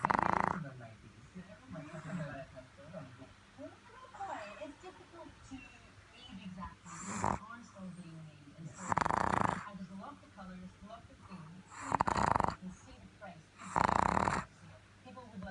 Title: Snoring Pug